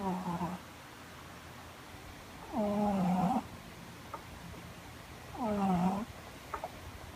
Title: THE LOUD SNORING CAT